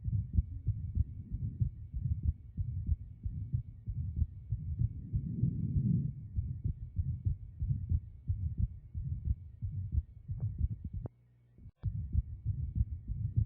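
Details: Atrial septal defect (ASD): an abnormal heart sound heard via stethoscope.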